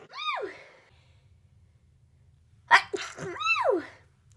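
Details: Two forceful sneezes from a woman, each with a voiced onset and a sharp expulsive burst, separated by a short pause, in a quiet room with a low hum.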